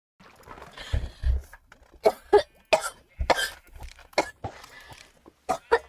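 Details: Girl coughing during a live stream: about eight harsh, forceful coughs with brief pauses and throat clearing, in a quiet room.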